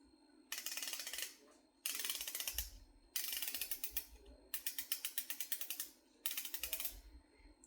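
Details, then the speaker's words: Rapid sharp ratcheting clicks in five bursts as a patient dials her first Mounjaro dose on an injection pen for weight loss, needle attached; injection pen dose dial clicks. "And then we'll attach my needle. Like that. I'll dial in my dose."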